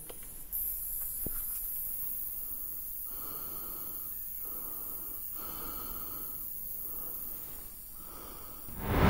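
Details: Niscomed MNB-01 portable battery-operated mesh nebulizer running: a steady soft hiss of misting, broken by pauses as the user breathes in, with a quiet background tone.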